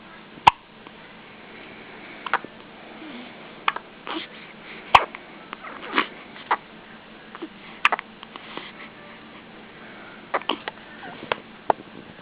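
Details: Baby with hiccups: irregular short hiccup-like catches, about 13 a minute, over soft room noise and small clicks.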